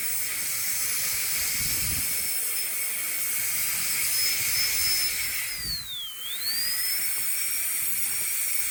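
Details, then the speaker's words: Dental handpiece with football bur contouring composite at the lingual and cervical region of a restored chipped upper central incisor, adult male: high-pitched whine with steady hiss, pitch briefly dropping under load. "I feel at the cervical region and make sure that I don't have, got it all sealed up and I don't have any overhangs there. And I could contour a little bit more here and here."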